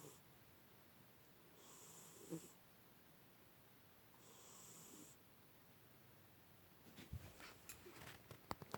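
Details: 16-year-old tabby cat napping, with two soft, hissing, human-like snore breaths about 2.6 seconds apart; ordinary harmless snoring, with handling clicks near the end.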